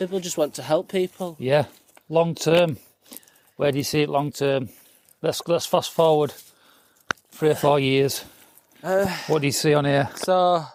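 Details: Adult male speaker; typical speech.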